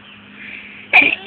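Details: Sneeze deliberately induced by sticking strings up the nose: a brief breathy build-up followed by one sharp, forceful burst of air, a single sneeze.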